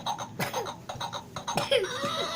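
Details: Child coughing while excited and laughing: several short, sharp cough bursts amid laughing vocal sounds; a parent calls it a fake cough.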